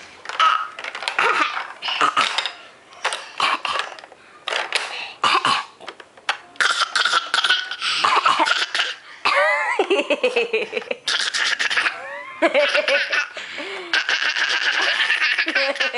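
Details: A child's voluntary fake cough: a string of deliberate, forced cough bursts that turn into giggling laughter.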